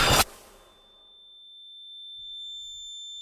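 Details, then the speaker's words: Simulated tinnitus: a brief whoosh gives way to a steady, high-pitched whistle, one of the constant phantom sounds 80,000 Quebecers hear permanently. "N'ajustez pas votre appareil. Ce silement correspond à l'un des sons que 80000 Québécois entendent en permanence."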